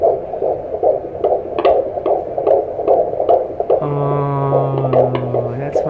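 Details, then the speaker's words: Fetal heartbeat at 17 weeks of pregnancy on Doppler at a doctor's visit: rapid, regular, strong whooshing beats at about 149 per minute, a normal fetal heart rate. "Oh that's a baby's heartbeat Wow ang lakas ng heartbeat niya marinig niyo ba yun"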